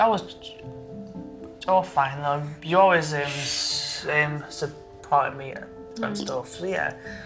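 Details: 23-year-old man who has stammered since he learned to talk, with blocks especially on lip-closed p, b and t sounds; stuttering (stammer).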